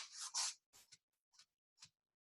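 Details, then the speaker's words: A lecturer vocally imitates a pericardial friction rub of pericarditis (pain lying down, relieved by sitting up and leaning forward): scratchy, rasping rubbing sounds in short bursts, as heard on auscultation. "Auscultation करोगे तो pericardial रब सुनाई देगा। सही है, रब किस तरह का होता था? इस तरह का होता था।"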